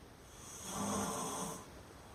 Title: Guy wakes himself up snoring! FUNNY!